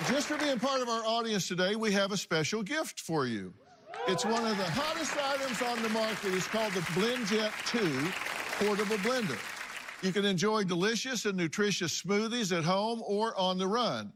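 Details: Adult male speaker; typical speech.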